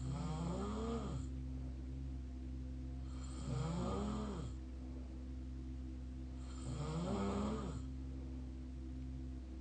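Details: Mouth snoring: three slow, rattling, vibrating breaths in over about ten seconds against a steady low hum, roughly 19 breaths a minute; snoring.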